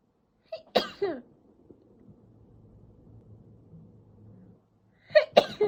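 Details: Two sharp, deliberately induced sneezes, each led by a brief indrawn breath, separated by a few seconds of faint background noise.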